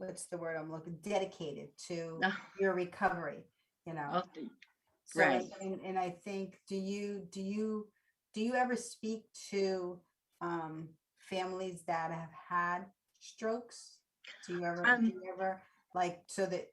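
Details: Adult woman speaking; normal speech.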